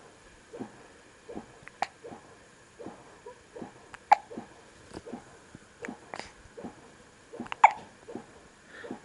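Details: Young girl with hiccups: repeated short, sharp catching sounds about every half second to second, some louder, with faint room noise; ongoing hiccups.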